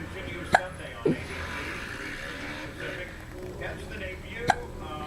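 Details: Three sharp, brief catches at irregular intervals over room noise and faint voices, fitting hiccups.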